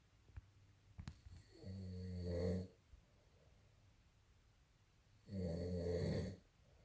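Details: Man recorded November 2018 sleeping: two long, low rumbling snores during inhaled breaths, separated by quiet pauses; ordinary snoring.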